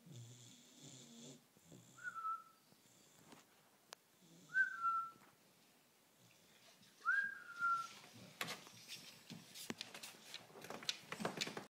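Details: Bullmastiff puppy snoring during sleep: repeated snorting and whistling breaths with rustling noise.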